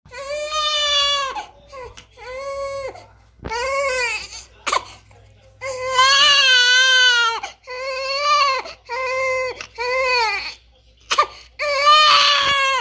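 Repeated high-pitched wailing cries with brief gasping breaths between them; a typical newborn cry.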